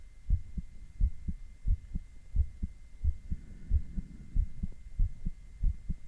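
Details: Adult male heartbeat recorded with ECG: regular paired lub-dub heart sounds at about 90 beats a minute, with a faint steady background hum; ordinary heart sounds.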